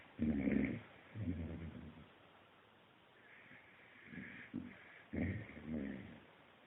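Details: Akita dog sleeping after a hard day of tail chasing, making uneven, low rattling breath noises: ordinary snoring.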